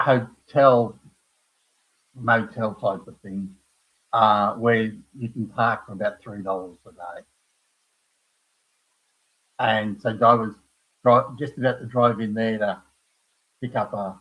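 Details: Adult man with aphasia after a stroke at age 58, caused by a blood clot from his heart, following a severe heart attack and quadruple bypass; knows what he wants to say but cannot find the words; aphasia.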